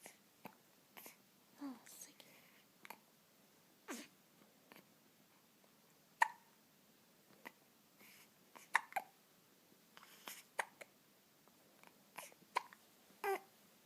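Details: Infant with irregular soft, sharp hiccup catches in a quiet room, a few faint murmured words; a regular occurrence after she guzzles her formula; hiccups.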